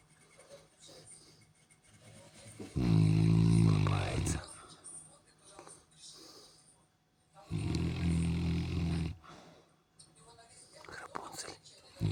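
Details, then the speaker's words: Sleeper addressed as "boy" and told to stop snoring: two deep, loud, rattling snores a few seconds apart, with quiet breathing and faint talk between; snoring. "мальчики не храпят >> мальчики не храбят мальчик хватит храпеть"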